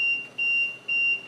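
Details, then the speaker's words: Home ventilator (Liberty) high-pressure alarm from a stiff test lung: loud, steady, high-pitched beeps about twice a second as airway pressure exceeds the set limit (usually 60). "and the reason the high pressure alarms is going off is because that's not you know that's a stiff log and you're getting a lot of pressure in there on a patient"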